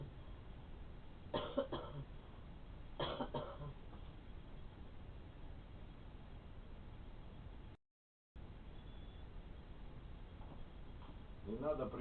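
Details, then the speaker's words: Two short, soft night-time coughs with a faint throat sound near the end, from an adult woman (the caregiver's mother) raised on pillows; caregiver suspects postnasal drip or a heart valve problem; cough. "я поставил чтобы ты перестала кашлять правильно надо регулярно skype чувствует наклоном завод то подушки"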